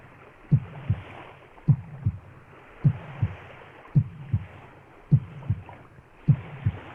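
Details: Regular heartbeat, steady paired thumps at about 52 beats per minute.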